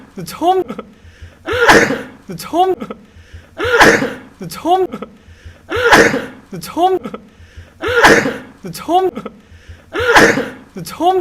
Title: くしゃみ 1分耐久 sneezing 1minutes